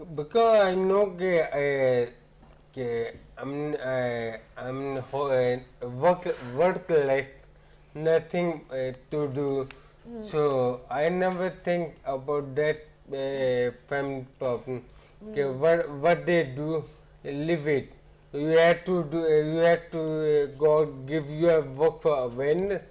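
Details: Ataxic dysarthria in an adult man with ataxia.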